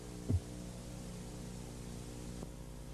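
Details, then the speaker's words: Korotkoff phase 5: disappearance of all sound, the accepted diastolic reading in adults. "no se debe registrar la fase 4 sin la fase correcto 5 que es la desaparición de todo sonido esta es la medición diastólica aceptada en adultos"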